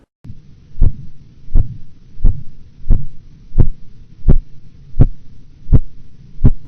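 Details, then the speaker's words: Regular low tapping beats, about 83 a minute, with soft swishing murmurs between taps: phase 2 Korotkoff sounds over the brachial artery during cuff deflation in blood pressure measurement. "Phase 2 sounds are audible murmurs in the tapping"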